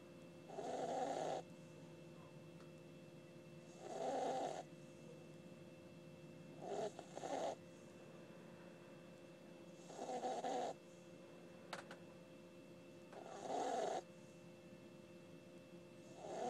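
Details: A sleeping puppy snoring with rhythmic rattling snores, about 19 breaths a minute, over a steady background hum.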